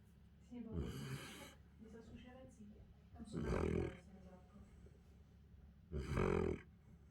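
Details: Central Asian Shepherd puppy snoring in sleep: three loud rumbling snores roughly every two to three seconds, with quieter breathing between them.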